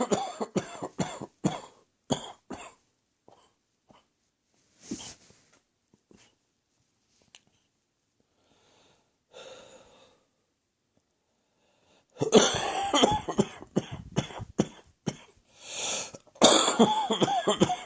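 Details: Adult coughing at night, cough said to be heading for the chest: repeated chesty cough bursts.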